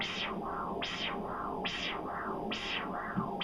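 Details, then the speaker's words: Triphasic arterial Doppler signal heard with continuous-wave Doppler over the common femoral artery of the leg, probe moved laterally away from the vein to find the triphasic waveform. "i'm going to also listen with my ears for that triphasic waveform once i hear that then i can adjust the size and if i need to the position with my remote"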